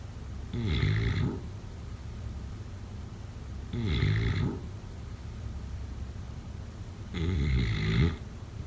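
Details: Adult snoring in sleep: loud, rattling snores about every three seconds, roughly 19 a minute, with quiet breathing between.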